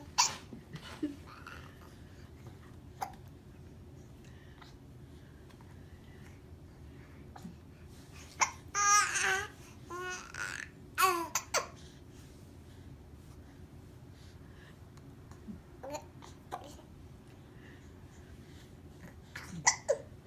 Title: Hiccup duet II